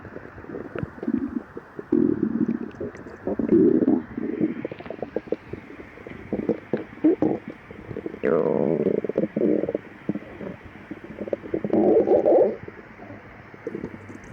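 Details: Person with severe lactose intolerance, fasted 12 hours: low gurgling rumbles in bursts with short rising squeaks between them; stomach growling, borborygmi.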